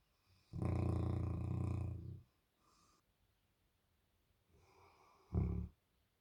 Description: Albert The #Bernese Mountain Dog is sleeping, snoring, dreaming and has his tongue out.